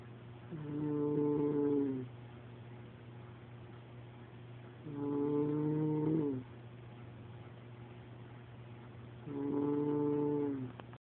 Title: Deep snoring..